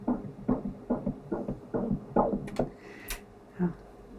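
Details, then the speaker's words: Live second-trimester pregnancy ultrasound scan in a training session; rapid, regular whooshing fetal heartbeats measured at 136 beats per minute, described as good: normal fetal heartbeat. "here we are 136 beats that's good"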